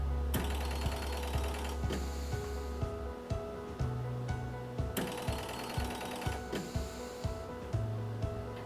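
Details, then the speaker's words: CoroVent ventilator for adults, mandatory ventilation only, starting on an artificial test lung: steady mechanical clatter and repeated tonal hums; mechanical ventilator running normally. "and now we can start the ventilation of the new patient"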